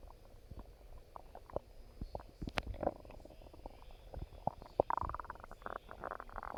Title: Stomach Growling